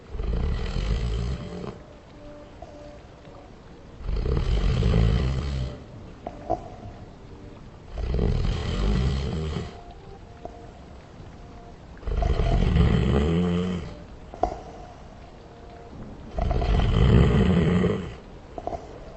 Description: Since everything has a slowed and reverb version why not someone snoring?